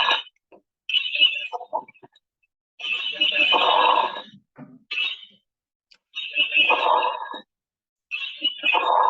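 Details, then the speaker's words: Teaching example of fine crackling bursts during breaths: subcrepitant (fine moist) rales, described as typical of bronchitis, resolving pneumonia, bronchopneumonia and acute pulmonary edema. "entonces de igual forma vamos a escuchar cómo se oirían un sonido sub crepitante"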